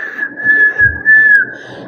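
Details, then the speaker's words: A caregiver-training lecturer imitates a wheeze with a steady whistled tone, describing the abnormal stethoscope breath sound of constricted airways, as in asthma or pneumonia. "if someone has like water in their lungs or in case of pneumonia or asthma when you are listening you hear that the sound that you will be hearing there will not be the normal breathing sound it will be sounding as if someone is blowing"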